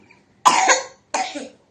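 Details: Two short coughs from a child with acute fever, cold, runny nose and sneezing, with body aches, low energy and a mildly dry, slightly white-coated tongue.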